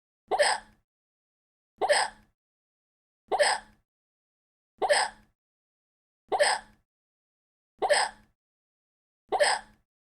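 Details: Hiccups, edited parody video loop: one identical short hiccup-like gasp repeated seven times at perfectly even intervals, about 40 a minute.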